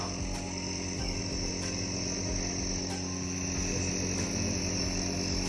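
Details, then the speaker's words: Child Aarush, unwell since Monday with severe cough and cold, receiving nebulizer treatment with the mask held on his nose: steady loud mechanical hum and buzz with high hiss of the running nebulizer compressor. "सारे बच्चे लोग ऐसे देखो सब लोगों को ऐसे अपने आप को नेबुलाइज करना है जस्ट लाइक आरुष इ डूइंग"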